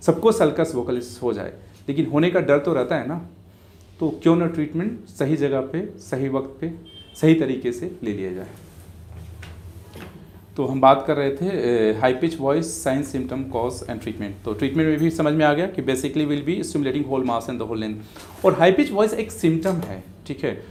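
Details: Adult man speaking; typical adult male voice.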